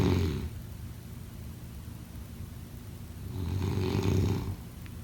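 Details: Loud, low rumbling snores on breathing in, with quieter breathing between; ordinary snoring.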